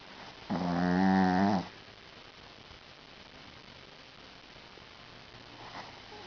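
A single loud, buzzing, tonal snore lasting about a second in a quiet room; a small dog snoring.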